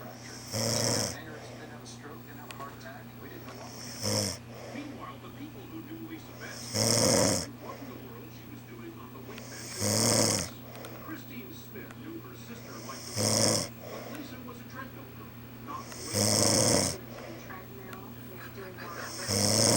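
Loud rattling snores recur about every three seconds, around 19 a minute, over a steady low hum: snoring.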